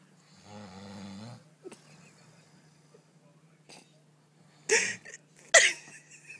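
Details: A person snoring during sleep: a drawn-out, tonal, humming snore, then quiet breathing and a few sharp snorts and clicks.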